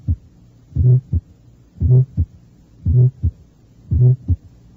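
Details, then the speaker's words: Innocent vibratory systolic murmur at the fourth left intercostal space beside the sternum, on a teaching tape: regular heartbeat near 57/min with soft low humming murmur only in early and mid-systole. "eso fue un soplos histórico e inocente del tipo frecuentemente denominado vibratorio se le escucha solamente en las porciones inicial y media de la sístole"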